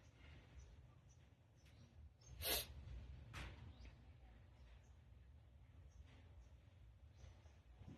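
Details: Tickle-induced sneezing: two sharp, explosive sneeze bursts a second apart over a quiet, rumbling background; sneezing.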